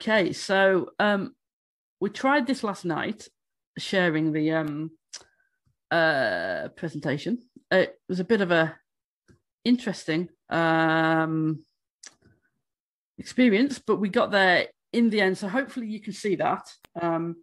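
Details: Adult woman who states she stammers, speaking during a conference presentation on stammering; stammering.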